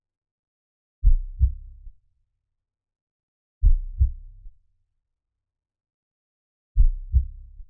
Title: Heartbeat sounds for calming down｜안정감을 주는 심장 박동 소리**